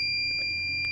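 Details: Steady high-pitched electronic alarm tone over low room noise from a Phoenix resuscitator being tested after repair of its power supply board; device alarm beep.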